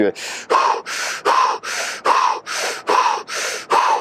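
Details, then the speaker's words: Deliberate hyperventilation demonstrated by a freediver, warned against before breath-hold apnea: fast, forceful breaths in and out, about 75 a minute, breathing in and out very rapidly. "L'hyperventilation, quand tu respires super rapidement et tu inspires et tu expires super rapidement. Donc ça c'est de l'hyperventilation."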